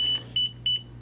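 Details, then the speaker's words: Three short, high electronic beeps from a three-channel MiniMed IV infusion pump after the cartridge is inserted and the air sensor is snapped in, confirming the air sensor is in place. "push in and when it makes that tone it'll beep beep beep that means that the air sensor is in place"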